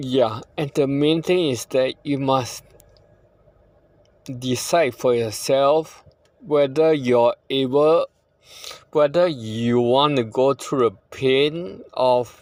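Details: Possible ataxic dysarthria in a man living with ataxia, with declining health and a poor prognosis; he says the condition worsens over generations.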